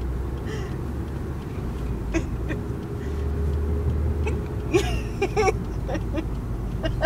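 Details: Brief, sharp throaty catches of hiccups recurring over steady car engine rumble during a drive, with laughter from a companion.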